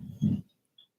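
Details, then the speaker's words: Single low, loud, coarse rumbling snore from a sleeping female dog, then quiet; snoring. "see even diamond snoring that was a loud snore look at her what's the matter snorri you're snoring so loud that ocean heard you"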